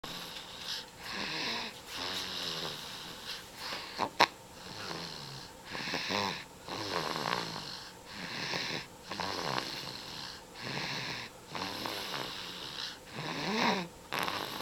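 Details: Repeated whistling, rasping snores with each breath, roughly twelve to fifteen a minute, in a quiet room; snoring.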